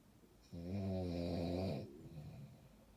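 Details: One long, deep, buzzing snore on a single breath, lasting over a second, then quiet breathing; snoring.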